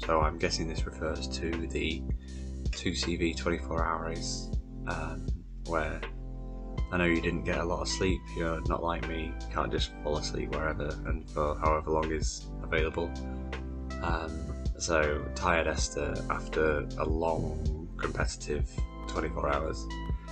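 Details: Adult male speaker; Normal adult speech.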